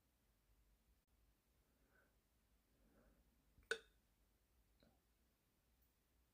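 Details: Hiccups at 2 a.m. after waking for a glass of water: a quiet room with soft breaths, then one sharp, abrupt hiccup and a fainter second one about a second later.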